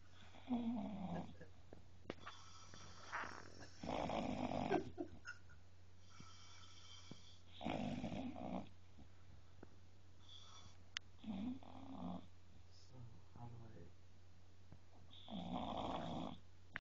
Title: snoring bulldog